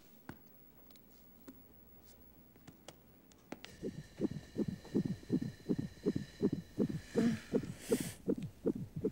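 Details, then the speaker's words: Rapid, regular whooshing pulses at about 160 a minute from a fetal heart monitor in a scene from a 1997 drama film (not a real patient); the baby's heartbeat on the monitor. "What's that noise? It's baby's heartbeat, huh?"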